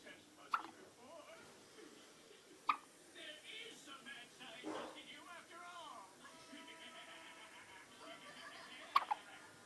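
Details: Newborn baby girl with hiccups: three sharp, brief hiccups spaced irregularly over about ten seconds, with faint talk and music in the room.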